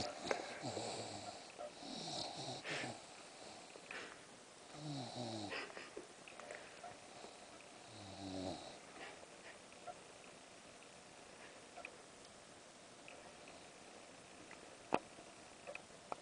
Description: Bella the english bulldog snoring